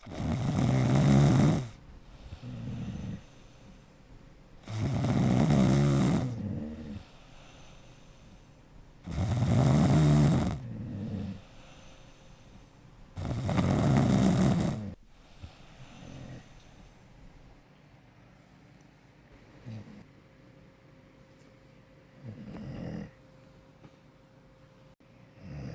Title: You say my dog is snoring? 😴😂 #Snoring #Sleep #Noise #Dog